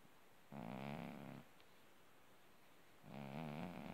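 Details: Two soft, buzzing, tonal snores, each about a second long and a few seconds apart, from a sleeping orange tabby cat.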